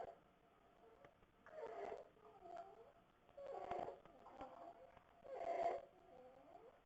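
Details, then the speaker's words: Sleeping child with croup: harsh, high-pitched crowing noise on each in-breath at about 32 breaths a minute, with visible hard belly breathing; inspiratory stridor. "so this is inspiratory Strider so this is a kid with croo who's sleeping and you can hear the difference that"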